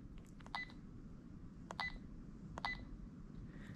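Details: Three short high beeps as keys are pressed while programming a Sigma Spectrum IV infusion pump, over quiet room noise.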